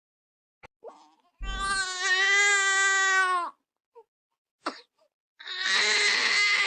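Young infant gives intense, high-pitched wailing cries typical of a colicky 'tummy hurts' cry.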